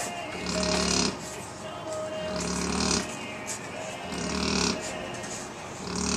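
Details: Very loud snoring during sleep: repeated rough, rumbling breaths with short pauses, about three snores in six seconds, over faint background music.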